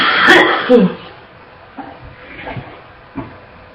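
A loud harsh cough burst with a gagging sound, followed by a few quieter coughs; a barking, wet cough.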